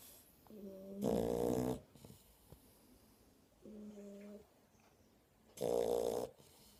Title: Shar pei puppies snoring